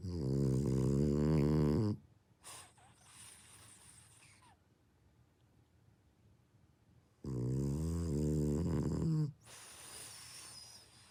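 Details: A brindle French Bulldog snoring as loudly as a middle-aged man: two long, loud, rattling snores on breathing in, each followed by a softer breath out; heavy snoring typical of a flat-faced dog.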